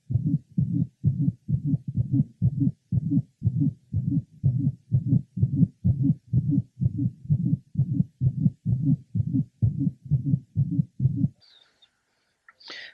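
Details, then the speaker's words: Mitral valve prolapse at the apex: regular heartbeat with a musical, honking late systolic murmur each cycle, the systolic whoop or honk. "at times the systolic merma has a musical quality resembling the hoop of a child with hooping cough because of this we termed it the systolic hoop to some this murmur resembled that of the honking of a goose and called it the systolic honk"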